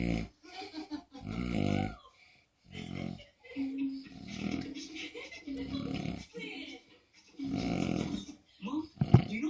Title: Snore game cray!